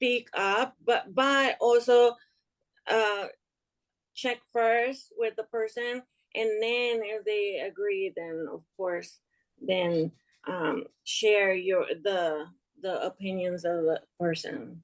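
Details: Young adult woman with aphasia after an ischemic stroke in March 2020 that left her unable to speak and affected her right side; still recovering, struggles to find and express words; aphasia.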